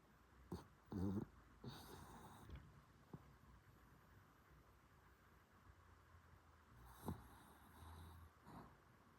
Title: Mylo snoring on the couch